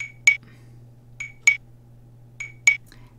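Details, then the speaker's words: CPR metronome app on an Android smartphone set to 50 per minute, the rate for ventilating a newborn without compressions: sharp, regular electronic clicks over faint low hum. "so this is one app that I downloaded and tried this is for Android starting at 50 per minute"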